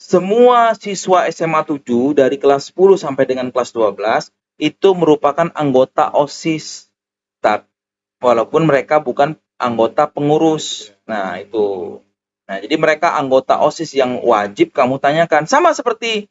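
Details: Adult male speaker; normal speech.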